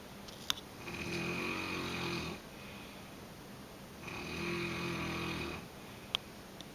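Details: Two long, rough, rattling snores about three seconds apart, each lasting over a second, in a quiet room; the snoring is described as not nearly as bad as at other times.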